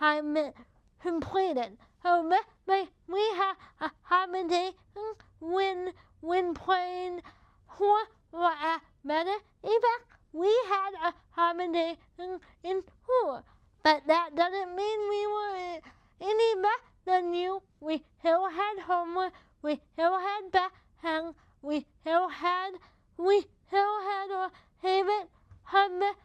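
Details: Speech of a woman with cerebral palsy affecting her mouth muscles, making talking effortful. Finding: dysarthria due to cerebral palsy.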